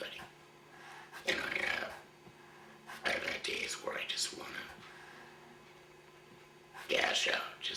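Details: 53-year-old man about one year after total laryngectomy for throat cancer; voice prosthesis placed two months ago, now used with a hands-free device rather than finger occlusion of the stoma; used an electrolarynx for the first 10 months; finding: tracheoesophageal speech after total laryngectomy.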